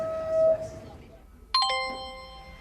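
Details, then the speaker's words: Soft tone fading, then a clear ringing chime slowly decaying: the ping of a silent nurse-call device on staff smartphones when a patient rings the bell, postnatal ward. "but in this ward those days are gone if a patient calls The Bell the only sound you here is a ping on one of these devices"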